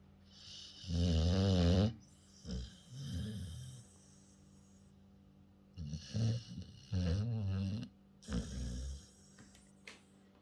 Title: Cane Corso Snoring Competition. Кане-корсо, конкурс на самый лучший храп